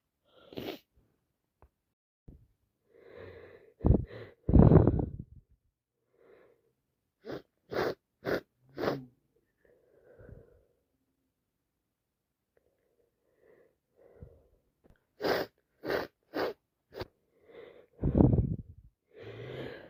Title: It's official I've caught my bosses cold and can't stop sneezing and sniffing #achoo #cold